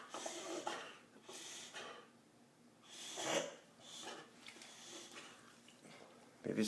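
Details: Reverse sneeze in a white Boxer dog during an episode lasting a week or two, later cleared by the vet: repeated harsh, snorting inhalations in quick irregular bursts.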